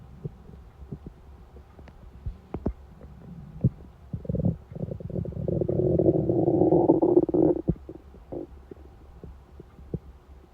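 A long gurgling, rising rumble of a few seconds over quiet room noise: hunger-related stomach growling, a normal bowel sound.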